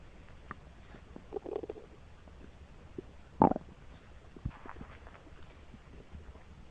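Low gurgling rumbles and squelches from the belly: ordinary bowel sounds as gas and fluid move through the gut.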